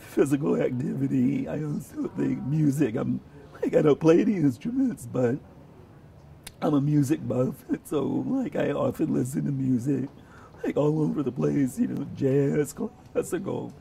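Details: Adult man with abductor spasmodic dysphonia; voice breaks began 14–15 years ago, about a month after severe flu following a flu shot; treated mainly with Botox injections with hit-or-miss results; voice varies day to day.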